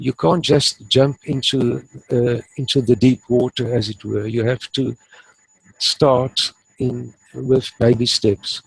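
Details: Stuttering in an adult man who has stuttered since about age 3 or 4 and now uses the passive airflow technique; he reports being fairly fluent, so stuttering here may be mild or not heard.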